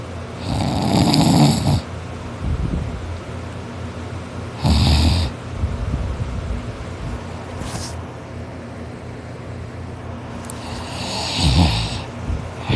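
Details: Person snoring very loudly and hard while asleep after a tiring day of hard work: three long bursts of loud, harsh, low rattling snores, with quieter breathing between them; heavy snoring.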